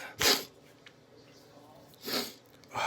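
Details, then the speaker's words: Person with stuffed, tickly nose and stuck sneezes inducing sneezes: two sharp explosive bursts with a quiet gap, then the start of a third; induced sneezing. "g back and forth but my sneezes have beginning stung so I'm gonna do a few induced ones to help it out"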